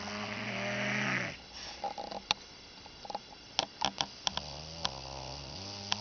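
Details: A drunk man sleeping gives a loud, low, rattling snore, then a quiet pause with small clicks, then a second steady buzzing snore: ordinary snoring.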